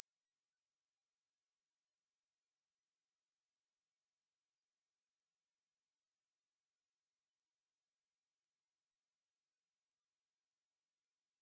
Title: Hearing Frequency Test | How Old Are Your Ears?